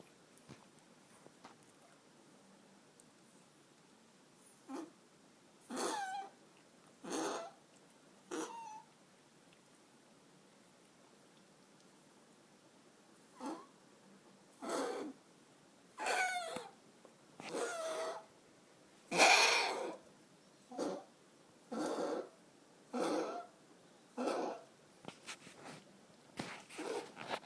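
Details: A cat coughs: a run of short, harsh, dry coughs in two clusters, with quiet between them.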